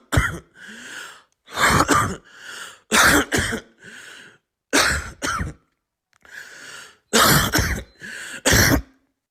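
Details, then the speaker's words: Repeated harsh, dry coughs, about ten in nine seconds, often in quick pairs with audible breaths between, from a child with a three-month cough, over 800 coughs per day per his father, absent during sleep: habit cough (chronic idiopathic cough). "notably and very important both of these CH children had no cough when sleeping it's a characteristic of this type of idiopathic C and it occurs also in"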